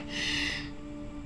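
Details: Acted TV hospital scene of a COVID patient: a woman on high-flow nasal cannula, leaning forward, gives harsh, breathy gasps at the start and end over soft piano; simulated gasping breathing of respiratory distress.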